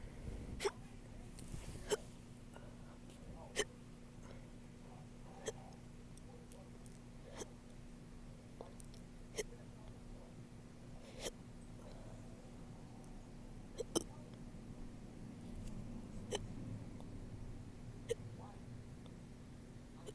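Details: Person who woke up with hiccups: repeated sharp hiccups roughly every two seconds, about ten in twenty seconds, over a steady background hum; hiccups.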